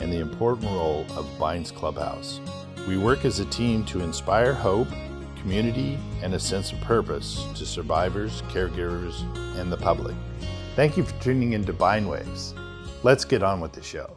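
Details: Adult man speaking; Normal adult speech.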